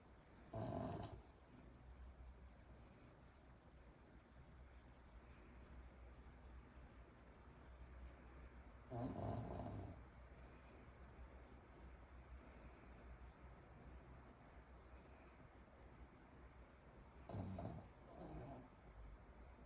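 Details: Dog snoring in its sleep: three short, rattling snorts about every eight seconds over a steady hum of room noise.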